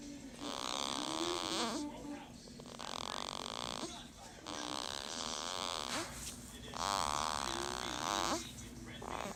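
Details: Newborn girl with jaundice treated with several days of phototherapy, snoring in sleep: repeated soft, noisy snorting breath sounds a few seconds apart.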